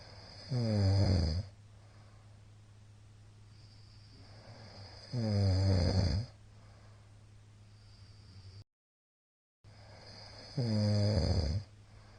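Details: Middle-aged man's very loud snoring recorded 22 February 2022: rough rattling snores on each in-breath, about 12 breaths a minute, with steady room hum between; heavy snoring.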